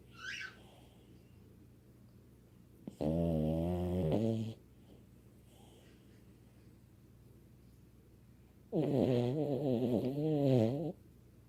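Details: Two long, loud, rattling snores about six seconds apart with quiet in between; snoring.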